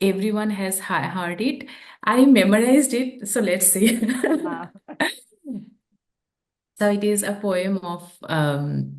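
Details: Adult woman who stammers, a real speaker who practices yoga and deep breathing, speaking English while translating a poem; stammering.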